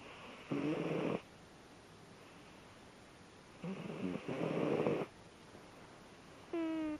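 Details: Sleeping kitten makes short, buzzing snores on its breaths, with quiet pauses between; ordinary snoring in sleep.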